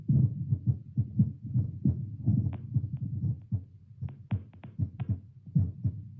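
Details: An adult's own heartbeat through a Littmann CORE stethoscope around 10 squats: quick, strong thumps with scattered clicks and rubbing noise, from a baseline in the high 80s to 90s; heartbeat raised by exercise.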